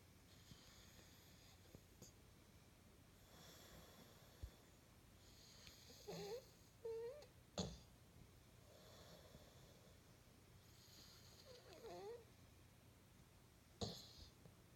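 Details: Light snoring: soft, irregular breathing noises with faint raspy snores and occasional snorts in a quiet room.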